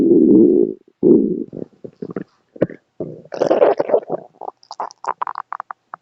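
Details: Pet rabbit recently discharged from hospital, stomach growl: gurgling, squeaky rumbles and bubbly pops in irregular bursts; borborygmi.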